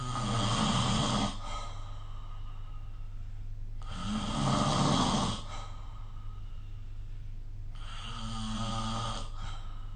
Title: 🐽 Snoring Sleep Sound